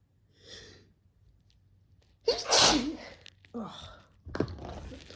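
Two to three forceful sneezes, each with a sharp intake and explosive burst, in a quiet room.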